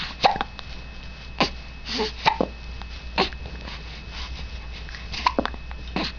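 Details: Female with hiccups who says she doesn't like them: about six sharp, abrupt catches in the throat over six seconds against steady room hum; hiccups.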